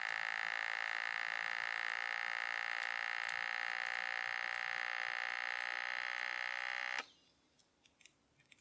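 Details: Easy@Home EPM-017 wrist blood pressure monitor taking a reading: steady motor whine of the wrist cuff inflating for about seven seconds, then quiet with faint clicks; the result was 125/86, pulse 66, taken while talking.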